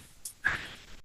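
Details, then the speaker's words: A brief breathy sound with a short whistling tone, an adult's vocal imitation of the wheeze heard in asthma. "Wheezing एक symptoms है। एक बीमारी नहीं है। तो विजिंग मतलब एक अंदर से एक एक आवाज आएगा धीरेधीरे से अंदर से एक"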